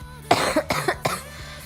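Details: Three quick, fairly dry coughs in a row from a young woman talking and laughing on a live stream, with faint room noise behind. She mentions a sore throat.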